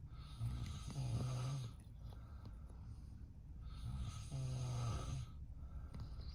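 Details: Man (Bello's dad) snoring in the background while a golden retriever sleeps; deep, rumbling snores on each breath, two cycles about three seconds apart. Loud snoring during sleep.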